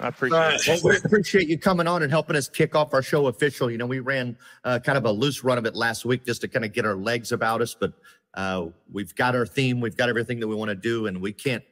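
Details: Adult male speaker; normal voice.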